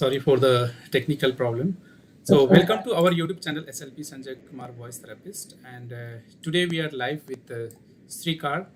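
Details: Adult man speaking; normal adult male speech.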